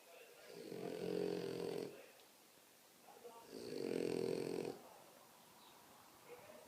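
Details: Two long, loud rattling snores on in-breaths, about three seconds apart, with quiet pauses between; very heavy snoring.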